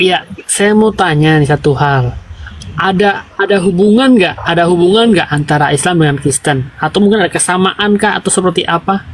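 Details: Adult speaker; Normal speech.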